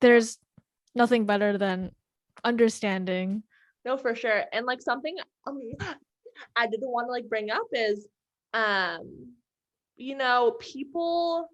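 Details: Adult woman who stutters, with repetitions in her speech; stuttering.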